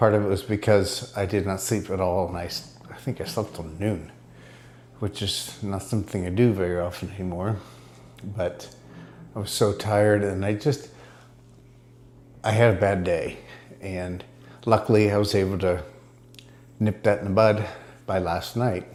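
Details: Adult man diagnosed with multiple system atrophy; he reports his speech improving after ibogaine treatment taken about 6 weeks earlier; dysarthria in multiple system atrophy.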